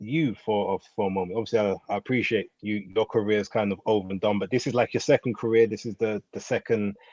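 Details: Adult man speaking; Normal speech.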